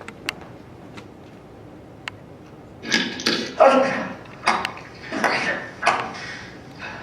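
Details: Faint clicks, then a quick run of about six abrupt, breathy vocal bursts from a man who developed Tourette syndrome at age nine, speaking on stage; demonstrated vocal tics.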